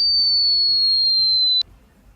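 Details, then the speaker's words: Hearing test tone sweep: pure, very high whistle-like tone sliding slowly downward then cutting off, played as a frequency sweep across and beyond the human audio range to test high-frequency hearing. "you are going to be exposed to sound frequencies a human ear can't perceive will travel across and beyond the human audio spectrum"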